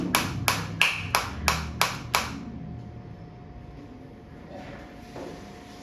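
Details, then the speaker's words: Biotronix focused shockwave therapy applicator firing as frequency is raised from 120 toward 150 and 180: seven sharp, evenly spaced clicks, about three per second, with the change audible, then a quiet room hum. "Frequency में आपको change आता दिख रहा है। Sound के साथ भी पता चल रहा है।"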